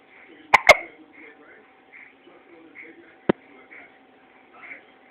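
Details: Person with hiccups: sudden sharp, clicking catches of breath, a quick pair then one more, over a faint background murmur; typical hiccups.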